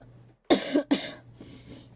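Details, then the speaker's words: Girl coughing, possibly with a cold: two quick dry coughs followed by faint voices in a quiet room. "아 기침이나 아닌가? 감기는 근데 진짜 감기랑 감기는 다 걸리긴 해."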